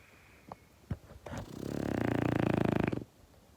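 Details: French Bulldog asleep snorts a few times, then gives one long rattling, fluttering snore lasting about a second and a half: snoring.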